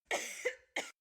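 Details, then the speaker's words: Three quick, harsh cough bursts in close succession from an adult at week 4 of a persistent cough unrelieved by cold medicines, lozenges, Vicks or steam. "to be so clear that this cough, I'm on week 4, is no fucking joke. And nobody can give me a way to make it stop."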